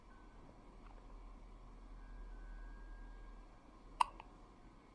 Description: Only 2.5 days old and really not to sure what to make of having the hiccups.